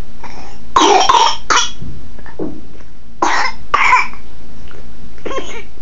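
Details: 3.5-month-old infant with bronchiolitis: several short, wet, harsh coughs in close bursts; bronchiolitis cough.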